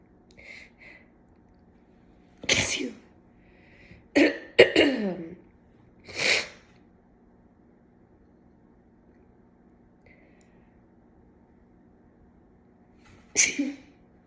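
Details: Woke with left nostril clogged from cat allergy; sneezing induced by tickling nose with a cat whisker: four or five forceful sneezes in a row with short sniffs between, in a quiet room, until the nose unclogged.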